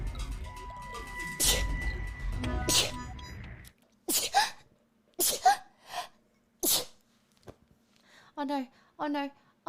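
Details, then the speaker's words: A run of about five sharp, explosive sneezes after background music and talk, ending with brief speech; sneezing since a nasal swab. "sorry i don't know where the last one went i need to sneeze again"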